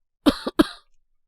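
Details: Two short acted coughs from a man voicing a character with a cold and fever (temperature 38-point-something, unchanged), simulated cough in a Japanese situation voice drama; cough.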